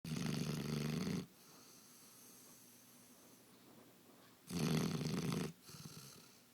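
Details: Snoring in sleep: two loud, rough, rattling snores about three seconds apart with quiet breathing between them.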